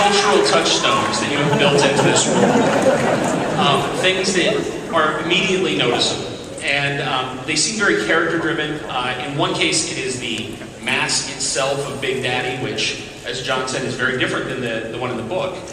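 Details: Adult male speaker; normal voice.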